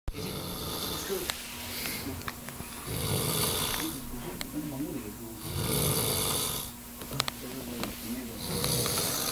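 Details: Loud, rough snores recurring every few seconds, with room noise and faint background sounds.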